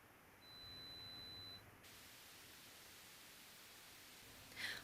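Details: Pure tone audiometry threshold search, where intensity is raised in 5 dB steps until two of three ascending responses: a single steady high-pitched tone about a second long over quiet hiss. The audio is edited for ASMR.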